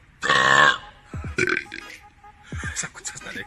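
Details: Men from Spain, Liberia, Italy and Mexico burping deliberately: a loud, long voiced belch, then shorter belches mixed with talk, music and laughter; burping.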